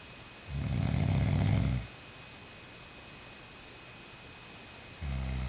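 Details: Someone out cold in deep sleep, snoring loudly: a deep, rumbling snore on one long breath, a pause, then the next snore.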